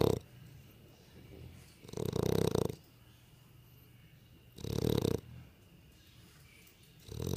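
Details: A sleeping dog snoring loudly, with rattling snores and quiet gaps between, about one every two to three seconds.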